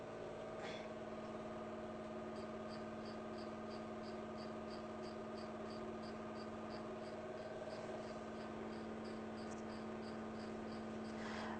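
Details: 808nm diode laser hair removal machine in training treatment on a client's face: steady machine hum with fan noise and a rapid train of faint, even clicks, about 220 a minute, as the laser fires.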